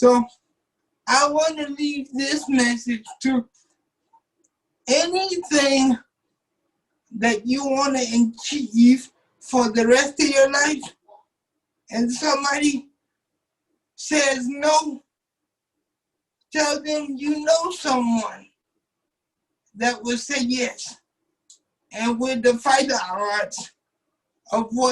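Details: 27-year-old man with cerebral palsy since birth, wheelchair user, whose muscles do not work like others'; doctors told his family he would never talk; dysarthric speech (cerebral palsy).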